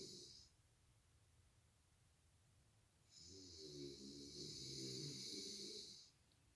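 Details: Adult partner snoring during sleep and waking a light sleeper: a long, droning, rattling breath with a whistling edge over quiet room hiss.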